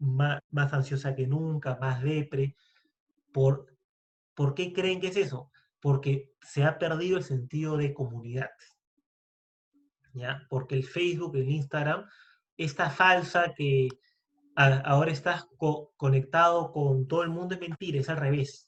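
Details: Spanish-speaking man who identifies as a person who stutters; stuttering.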